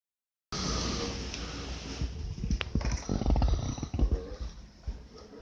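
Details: Deep, rough, rumbling breathing noises of a father snoring loudly during sleep; loud snoring.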